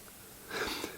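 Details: Sneeze, heard in the background during talking.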